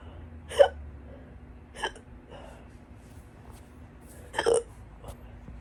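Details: Several sharp, loud hiccups with brief voiced catches, unevenly spaced over a few seconds in a quiet room, while trying to get rid of them; they went on for a couple more hours afterward.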